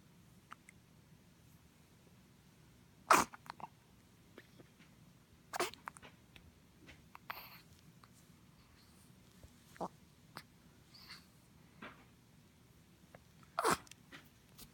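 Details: Person with hiccups: sharp, brief catches repeating every two to three seconds, about five in all, in a quiet room; hiccups.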